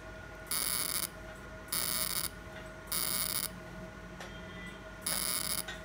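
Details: Four half-second bursts of high-pitched buzzing over room hum: fractional CO2 laser pulses on a non-hypertrophic part of a male patient's accidental hand scar, after topical anesthesia and mesotherapy.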